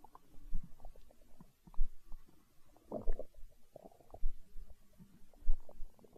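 Irregular low gurgles and rumbles from the belly, ordinary stomach growling.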